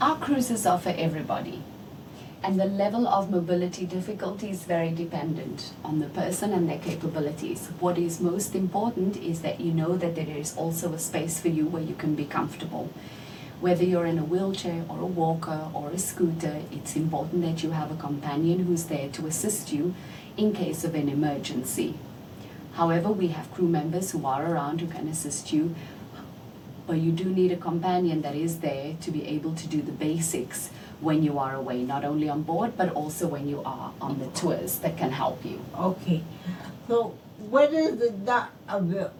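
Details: Adult woman speaking; typical speech.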